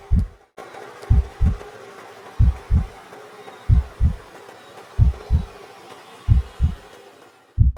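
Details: Regular paired lub-dub heart sounds at about 46 beats a minute with steady low background hiss, heard through a homemade 50-foot stethoscope made of level pipe and a balloon.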